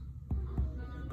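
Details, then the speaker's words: Abdominal percussion with the patient lying flat, examiner on the right, tapping toward the patient's left side: three soft, hollow finger taps giving a normal resonant note over gas-filled bowel. "الصوت المفروض يكون ايش؟ ريزونانس ريزونانس ريزونانس."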